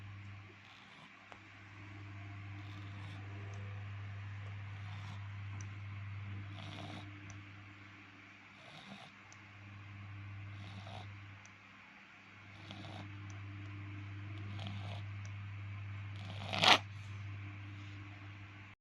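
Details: Dog snoring again: low, steady rumbling breaths in repeated cycles, about four a minute, during sleep, with a sharp noise near the end; snoring.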